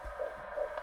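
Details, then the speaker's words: Fetal heartbeat on handheld Doppler probe with gel, mother's sweater lifted; fundus about six fingers below navel, consistent with weeks of pregnancy; rate around 160 per minute, described as going very well. "C'est le cœur du bébé dans le ventre de maman. Mais pourquoi elle a levé son chandail? On puisse bien entendre le cœur dans le micro."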